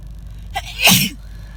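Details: Adult with a lingering cold moving to the chest, sneezing in a car: a quick inward catch of breath, then one loud, harsh, explosive sneeze with a low car-interior rumble behind.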